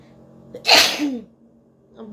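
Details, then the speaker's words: A single loud sneeze from an adult woman during a sneezing challenge: a quick inward catch, then a sharp hissing burst trailing into a voiced sound; an ordinary sneeze. "তা আমার 13টা হাঁচি হয়েছে বন্ধুরা, আর এখনো হাঁচি আসছে না।"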